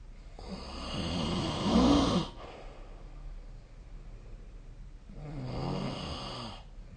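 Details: Two loud, rough inhaled snores separated by a quiet pause, from a sleeping adult: snoring.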